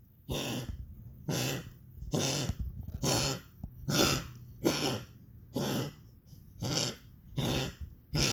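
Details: Dog coughing: a run of about ten harsh, honking coughs in quick succession, roughly one per second, in a small quiet room.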